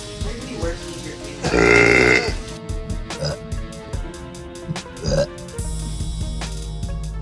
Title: Girl Burps